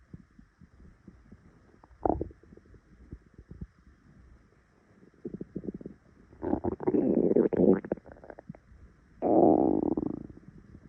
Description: Woke up to my stomach rumbling. So I grabbed my phone to record it for you guys.